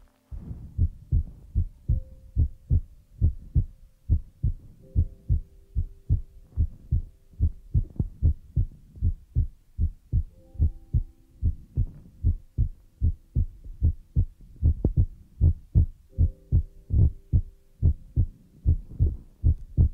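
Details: Heartbeat sound used as an ASMR relaxation trigger: a steady, low thumping heartbeat at about 74 beats a minute, with soft tones in the background.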